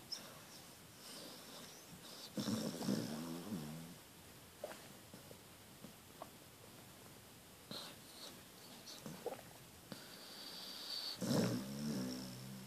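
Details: Rough, rattling snores in slow cycles with quiet breathing between, from a sleeping dog; dog snoring.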